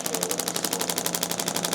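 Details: Radial shockwave therapy on the lateral leg tendon of an adult male chiropractor with a running injury from ramping up training too quickly: rapid, even clacking pulses at about twelve a second.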